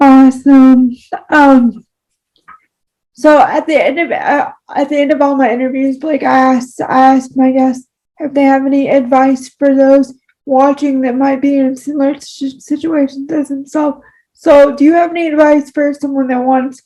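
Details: Adult woman with cerebral palsy: speech disfluency in cerebral palsy.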